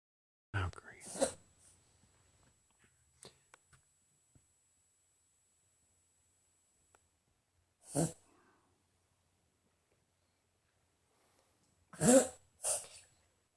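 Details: Dog coughing and dry heaving: short, harsh cough and retching bursts separated by long quiet pauses.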